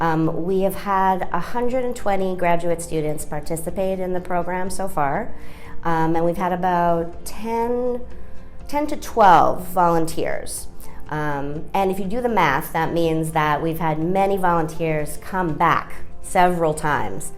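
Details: Adult speaker; fluent speech.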